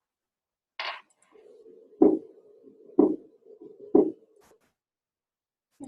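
Three heart sounds about one second apart, near 60 beats a minute, with a continuous whooshing murmur filling the gaps between beats. This fits a ventricular septal defect: blood flowing through a hole between the lower heart chambers. Brief voices are heard at the start and end.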